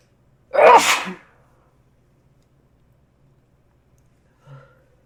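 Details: One sharp, explosive sneeze followed by quiet and a faint voice sound; an ordinary single sneeze.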